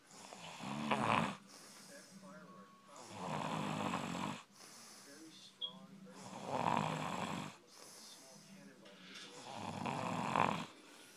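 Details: A sleeper snoring: four loud, rough snores, about one every three seconds, with quieter breathing and a faint hum in between.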